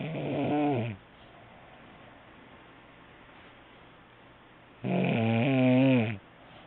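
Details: Woman snoring in sleep: two loud, rattling snores about four seconds apart with quiet breathing between, recorded on a mobile phone.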